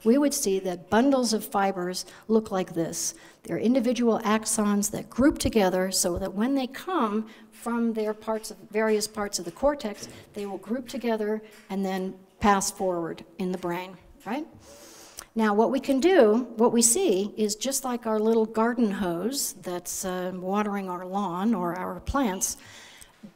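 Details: Adult woman lecturing; normal speech.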